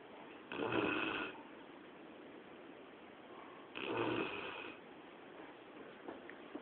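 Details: Labrador Retriever asleep inside the house at 2 a.m., giving two slow, rough snoring breaths about three seconds apart, each close to a second long: snoring.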